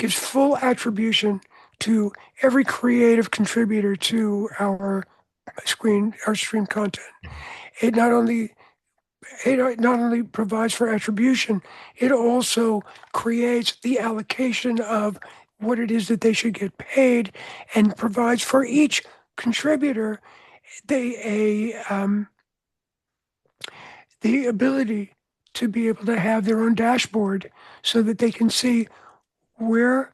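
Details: Adult male with voice change from throat cancer, treated with surgery, radiation and two years of experimental chemotherapy; no recurrence since.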